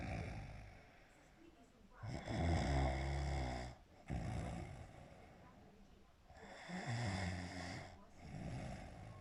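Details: Ordinary heavy snoring: loud, low, rattling snores on each breath with softer sounds between, about two in nine seconds.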